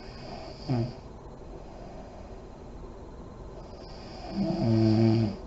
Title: SNORING MOM SLEEPING ASMR SERIES PART 18 LIGHTS ON REM SLEEP, DEEP BREATHING , LIP BLOWING